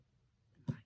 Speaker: know I just had you can hear my stomach gurgling